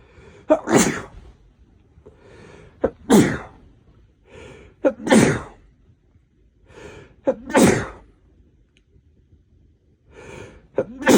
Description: looks like I passed my cold onto my boyfriend. I tried to catch whatever sneezing fits I could while I was around to take care of him